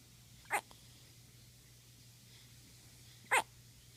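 Two short, sharp, isolated bursts about three seconds apart over a quiet room, fitting hiccups.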